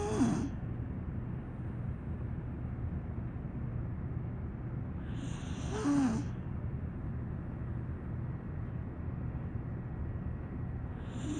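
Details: Rescued 'pocket pittie' dog sleeping: soft snorting snores about every six seconds over a steady background hum.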